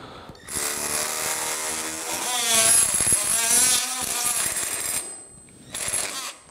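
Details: Loud buzzing, rasping noise with a wavering pitch, then a brief second burst: an oscillating saw cutting the femoral trochlea for patellar tracking during total knee replacement surgery.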